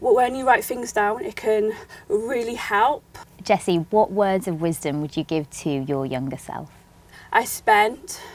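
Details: Young adult women in conversation; ordinary conversational speech.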